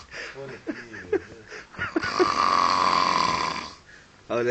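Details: Loud, rough, rattling snoring on the beach, lasting nearly two seconds, with voices and laughter in the background.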